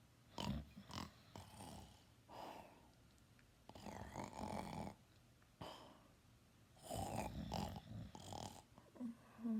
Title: Loud nap+snoring loud